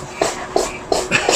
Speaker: Kitty's having her allergy reaction here as you can hear her just sneezing away.